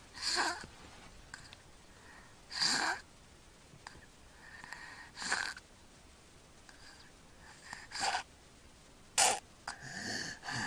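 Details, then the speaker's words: Quiet pauses with no air reaching the lungs, broken by loud snorting gasps, in a sleeping boy recorded on February 6, 2009, who breathes through his mouth; gasping recovery breaths in obstructive sleep apnea. "there he goes saw that now he's gasping for air the breath he took beforehand he was actually not getting anything into his lungs"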